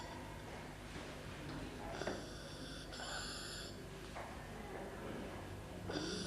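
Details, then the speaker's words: Stridor in a sick child aged 2 months to 5 years: a harsh, high-pitched, musical noise on breathing in, a sign of upper airway narrowing. "next look and listen for stride or stride or is a harsh noise made when the child is breathing in"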